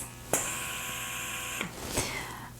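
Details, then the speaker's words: Zomee Z2 electric breast pump in expression phase (nine levels), steady motor whine with long, intense suction cycles each ending in a soft release click. "i'm going to put the play button on just so you can hear that's pretty long and pretty intense"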